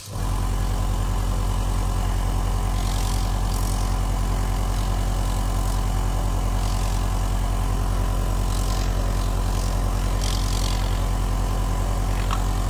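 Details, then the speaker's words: Nebulizer air compressor tested after oiling and greasing to fix weak compression: steady low mechanical hum with rapid regular pulsing, smooth and even motor sound, strong airflow; nebulizer compressor running. "هنجرب الجهاز دلوقتي ونشوف قوة الهواء بتاعته. طبعا الجهاز صوته ناعم خالص بعد التزييت والتشحيم."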